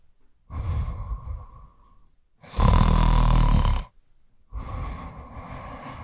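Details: Sound-effect recording of an adult man sleeping, with three loud, low, rattling snoring breaths, the middle one harshest.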